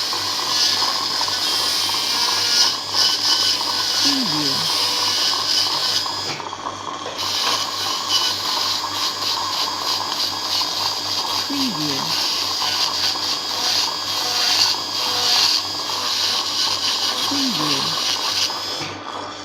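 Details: Dental drilling sound effect: steady high-pitched whining drill with faint grinding and rattling underneath.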